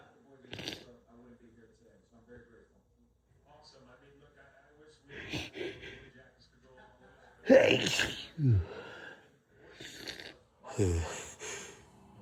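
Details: Sneezing compilation while having a cold: several sneezes, some preceded by a sharp in-breath, with faint voice sounds between; sneezing.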